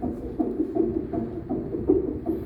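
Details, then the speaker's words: Fetal heart sounds heard on a CTG machine with the transducer on the pregnant patient's abdomen during a recording of up to 20 minutes; normal fetal heart rate is stated as 110–160 beats per minute. "Udah, itu terdengar, hasilnya sudah ada. Biasanya kita langsung ngeprint hasilnya keluar."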